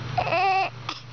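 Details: Infant aged 1 month and 14 days crying: a brief, loud, tonal wail, then a short softer whimper; an ordinary baby cry.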